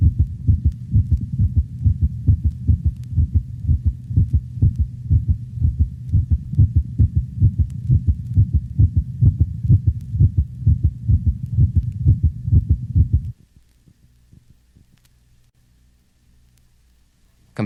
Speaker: asynchronous closure of the left and right atrioventricular valves may produce a first heart sound that is split into two audible components this occurs normally in the larger breeds of dogs note the low frequency split first heart sound of a normal large dog